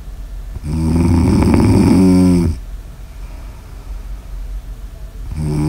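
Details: Snoring ASMR audio recording: one long, loud, rattling snore on an in-breath, then a quiet pause and the start of the next snore.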